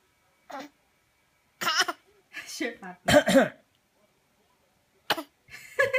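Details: A baby imitates her dad's cough with short, voiced, playful cough-like bursts; it is a mimicked cough, not a real one.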